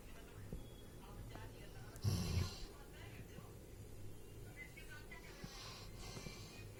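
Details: Faint, low rumbling snoring from a sleeping dog, with one brief louder snort and soft room sounds in the background.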